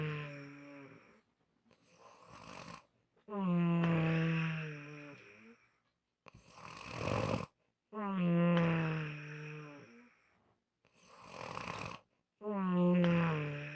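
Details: Loud, rough snores on each in-breath with quieter out-breaths between, about 13 breaths a minute; unusual snoring during sleep.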